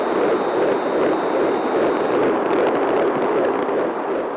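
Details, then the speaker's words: Unborn child's heartbeat heard in the womb: rapid, rhythmic whooshing pulses at about 150 per minute, a normal fetal heartbeat. "these are pictures of babies while still in their mother's womb this is the sound of an unborn child's heartbeat"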